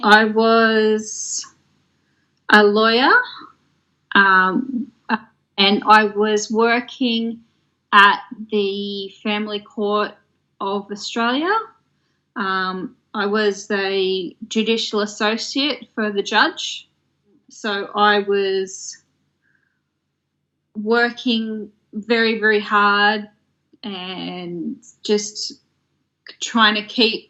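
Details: Woman who developed aphasia after a stroke in 2016 at age 33, in long-term recovery; aphasia.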